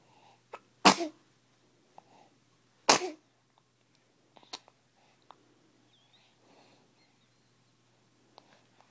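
Two sharp, quick infant sneezes about two seconds apart, with soft breathing and small noises between.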